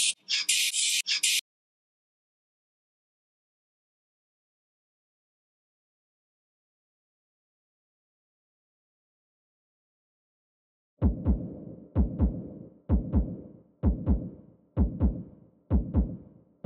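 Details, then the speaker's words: Korotkoff sounds over the arm during a manual-cuff blood pressure measurement using the one-step approach in a nursing skills demonstration: cuff noise, then steady low thumps about 64 a minute; the reading is 162/110, hypertension. "well i'll pump it up and then we'll listen for blood pressures just so we can practice noting when that first sound happens and that absence of sound occurs"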